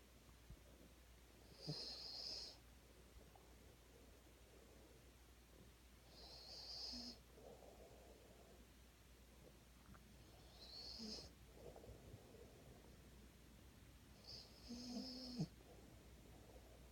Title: Deez still snores